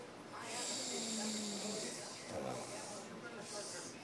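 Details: Snoring recorded in 2010: long, hissing, rattling breaths with a low snorting buzz on inhalation over faint room hiss.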